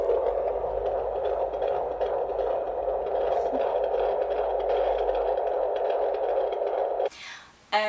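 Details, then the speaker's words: Fetal heartbeat on Doppler at an 18-year-old mother's first midwife appointment: fast, steady whooshing pulse, 140 beats a minute, normal rate. "yeah that was amazing to hear it was fast I was like wow it's fast"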